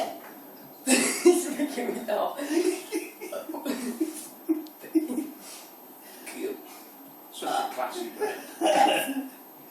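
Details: A long run of burps shaped into spoken letters of the alphabet, burp-talking, with short pauses between bursts.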